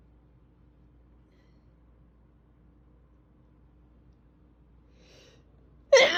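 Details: Near silence with fan noise in the background, a faint quick inhale, then one loud explosive sneeze at the end: sneezing.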